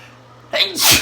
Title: 1080p I sneezed twice